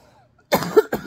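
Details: Adult ill for four days before an emergency room visit, using a nebulizer, after quiet gives a harsh cough burst followed by a short second cough; C states pneumonia: cough.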